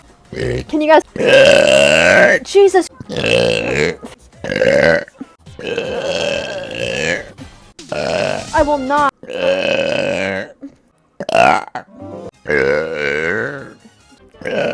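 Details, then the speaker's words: Vtuber burp compilation: a run of about eight loud, drawn-out voiced belches with short gaps and faint music behind; burping. "I'm so isn't that right bro I'm just going to burp"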